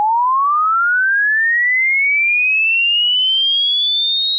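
A steady pure tone sweeping smoothly upward in pitch; a rising tone used to check how high a listener can hear.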